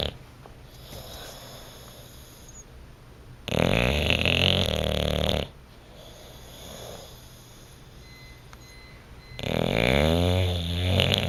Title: Bluto the Bulldog snoring and dreaming on the couch